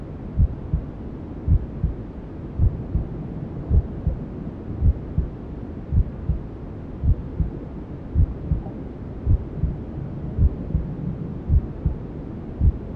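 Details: Maternal heartbeat sound with white noise and other womb sounds, for settling a newborn to sleep: steady low thumps about 54 a minute under a constant soft rushing hiss.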